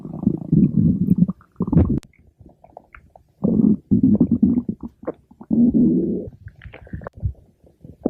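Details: Loud low rumbling and gurgling bursts; stomach growling attributed to the cartoon character Pink Diamond.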